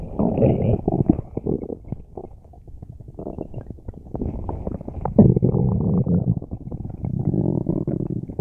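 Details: Loud bowel sounds from a person with a tummy ache: prolonged gurgling and rumbling with bubbly bursts; borborygmi, very active bowel sounds.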